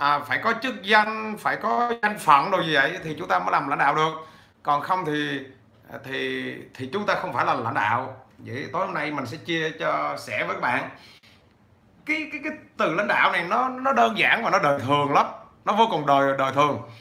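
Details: 43-year-old man with stuttering since childhood, improved with much speaking but still persisting; stuttering.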